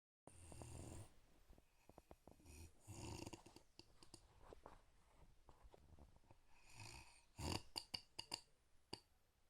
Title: My mother snoring!!!